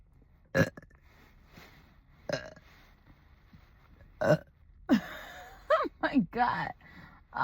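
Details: Repeated loud, deep burps after drinking coffee, not carbonated drinks, several in quick succession near the end with brief voiced sounds between: burping.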